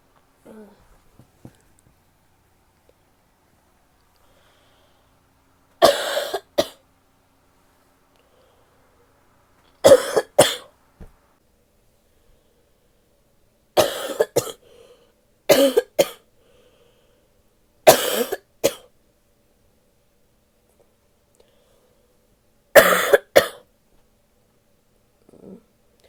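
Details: Six separate coughing bouts, most of two quick coughs with quiet pauses between, from a female recorded while sick; cough.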